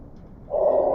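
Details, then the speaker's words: Wheezes heard on stethoscope diaphragm chest auscultation from the side, between the ribs, an example of an abnormal lung sound. "when also tating from the side ensure to listen between ribs and at three sites here's an example of wheezes"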